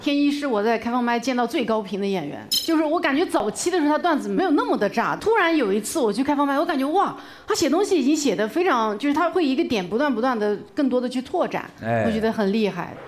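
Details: Adult woman speaking; normal voice.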